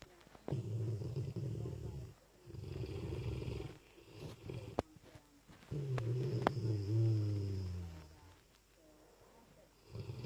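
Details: Deep, rumbling snores on several breaths with short pauses and faint background clicks from a sleeping Lurcher dog; very loud snoring.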